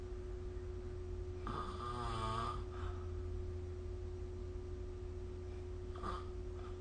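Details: Adult snoring during sleep, recorded with the SnoreLab app: steady low room hum with one drawn-out vibrating snore and a shorter one later.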